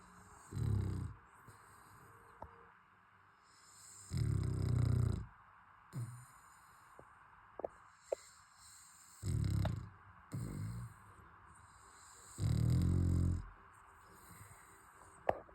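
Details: A fluffy pet dog snoring while asleep during cuddles before bedtime: low rumbling snore bursts recurring irregularly, about five in fifteen seconds, with faint clicks between.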